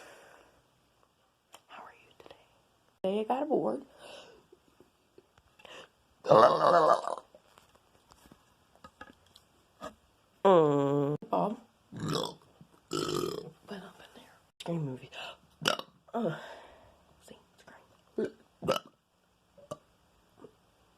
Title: Me and my burping PART 3!!!!!